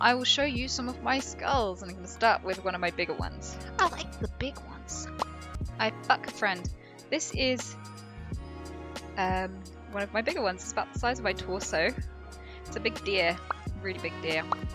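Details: Woman with Tourette syndrome producing involuntary vocal tics, including interjected swearing; Tourette syndrome vocal tics.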